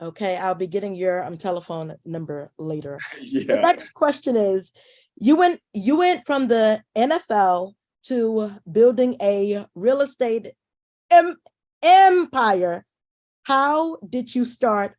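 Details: Adult woman who says she is a stutterer: stuttering.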